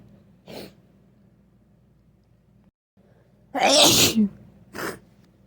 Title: 🤧 Snotty Cold Sneezes